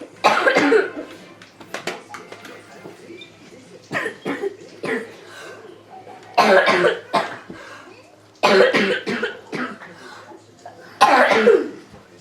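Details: A child with a persistent cough who cannot stop coughing gives several forceful coughs in quick succession over about twelve seconds.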